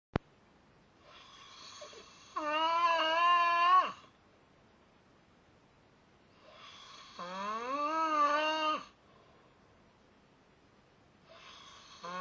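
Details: Adult snoring at night: slow snores about every five seconds, each with a breathy start turning into a drawn-out, whistling, tonal note, loud noisy breathing during sleep.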